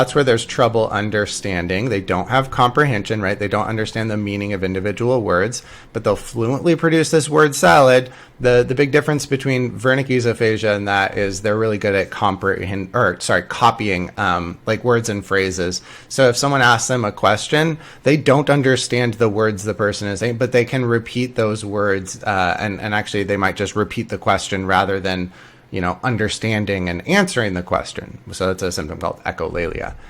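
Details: Adult male lecturer; normal speech.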